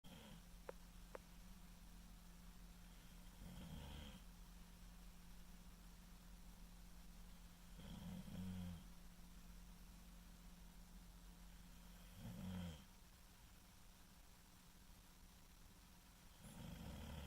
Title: Snoring